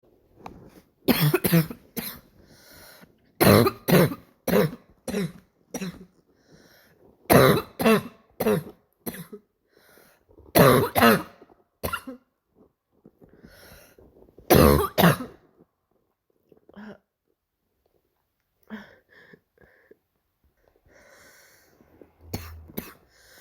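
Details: Repeated harsh, barking, seal-like coughs in several bouts, painful per the person coughing, typical of an irritated, swollen upper airway.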